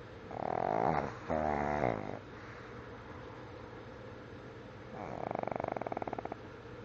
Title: The Sweetest Snoring Puppy Ever!!!!!